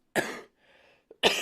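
Two harsh, loud cough bursts from an adult with a short breath between them, the second cut off at the end; a plain cough.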